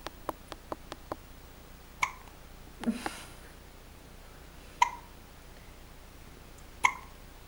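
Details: Girl with hiccups: short, sharp hiccup sounds recurring several times a few seconds apart in a quiet room; ordinary hiccups.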